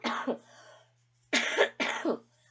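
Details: Adult still sick with a lingering cough: three short, harsh coughs, the last two close together, over a steady low room hum.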